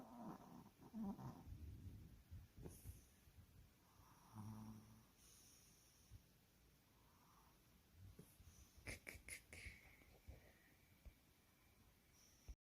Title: 원주 갔다와서 피곤해서 코고는 귀여운 마티즈 심포니 Snoring puppy.